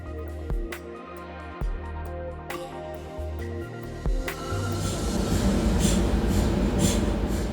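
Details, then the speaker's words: Loud droning and repetitive knocking, then harsher rapid buzzing, possibly with music mixed in: normal MRI scanner noise, heard in the exam room even between acquisitions, with sound, rhythm and frequency changing across exam stages. "Le système IRM génère du bruit que vous entendez dans la salle d'examen, même lorsqu'aucune acquisition n'est en cours. Selon le type d'examen, le son, le rythme et la fréquence changent au fil des étapes, ce qui est normal."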